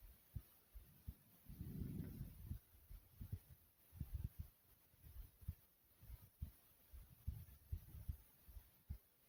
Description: Today my heartbeat is not as fast as my usual vids i decided to recording thumping a little slowly but still pounding.